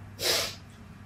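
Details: A single short, hissing burst of air over quiet room hum, one sneeze; afterward the sneezing stops.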